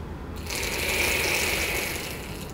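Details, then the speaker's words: Capsule dry-powder inhaler for asthma or COPD, capsule pierced by pressing both side buttons: a steady whirring rattle of the capsule spinning during inhalation, confirming the medicine is being inhaled properly; inhaler capsule spinning. "이렇게 마시게 되면 은 약이 돌아간 회전하는 그 소리가 들립니다 그래서 내가 약을 잘 흡입해 구나 를 확인할 수가 있구요"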